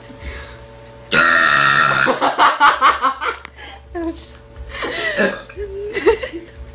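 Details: Young girl burping loudly on purpose: one long, deep burp of about a second, then shorter throaty burps and voice sounds, faint background music.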